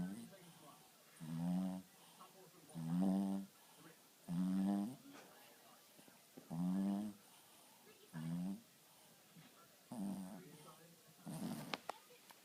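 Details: Sleeping dog snoring: loud, rattling snores, about seven in twelve seconds, each a rough, buzzy breath with quiet gaps between.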